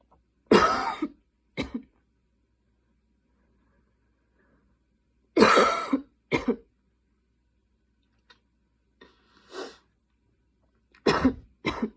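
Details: Night coughing fit at 12:30 am while unable to fall asleep: repeated harsh coughs in clusters with throat clearing between bursts, quiet room.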